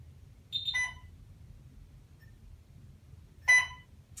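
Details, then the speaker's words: Two short electronic beep sequences in a quiet room: an Alaris infusion pump's start-up self-check tones after pressing the on button, in a nursing set-up demonstration. "you're going to hit that on button there we go it's going to run some self checks"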